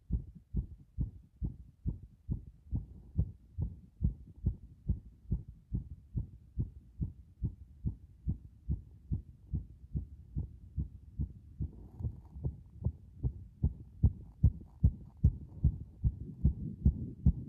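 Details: Compressed heart sounds recorded after a bath, close-miked: strong, regular rumbly thumping heartbeat about 75 beats per minute, faint rustling later.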